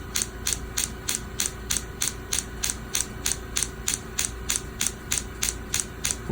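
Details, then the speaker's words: Radial shockwave therapy device on the heel for plantar fasciitis heel pain, probe moved in circular motion: rapid, regular sharp clicking pulses about 190 a minute over a steady low hum. "I don't like to leave it in one spot as everyone is noticing I'm moving the the probe in a circular motion"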